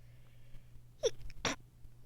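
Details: Single sneeze with a short voiced intake then a sharp burst, over faint room hum, in a person with allergies and a current sinus infection, itchy watery eyes and sore throat, after dog sitting, dust and high pollen; sneezing.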